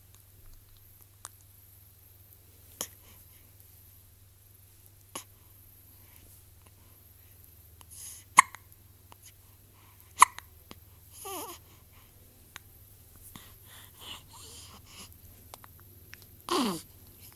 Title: hiccups and cute faces